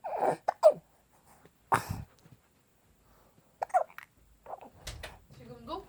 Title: 20160220 아기 딸꾹질(생후2개월) a two month old baby hiccup